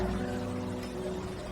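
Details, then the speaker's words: Direct-drainage dental suction unit for a dental chair, just plugged in and switched on: steady low motor hum with faint rushing water as it runs. "So it's on. So see, it's running right now."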